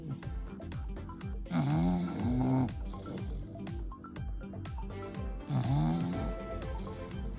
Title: English bulldog,snoring